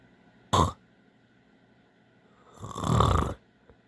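A short snort, then a long low rattling snore on the in-breath during sleep.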